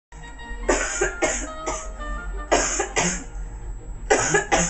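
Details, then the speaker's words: Acted harsh coughing, about seven coughs in clusters over background music, in a product skit; the cougher claims it is allergies. "oh my God that is so freaking disgusting you still coughing it's my allergies"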